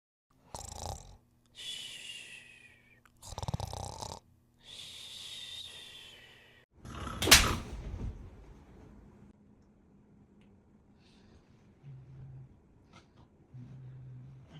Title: MY TWIN BROTHER FART AND SNORES AT NIGHT 😂 #shorts